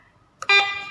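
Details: Hawk i1 infusion pump alarm tone, demonstrated while adjusting the sound volume setting: a brief clicky onset, then a loud sustained electronic tone that slowly fades.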